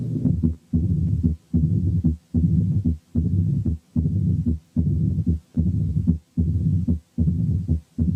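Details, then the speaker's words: Mitral stenosis mid-diastolic murmur at the apex, low-pitched rumbling, in a patient with mild sinus tachycardia: slightly fast regular rhythm with rumble filling much of each cycle. "لاحظوا ان الميد دايستوليك مامر دائما of low pitch، وعشان كده بيسموها رامبلينج، يعني كده درر. نسمع مثال تاني ونركز الدور ده على البيتش بتاع المامر."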